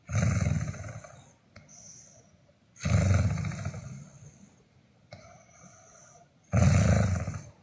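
Loud rough rattling snores on each breath in, about 16 a minute, with quieter breaths out between: snoring.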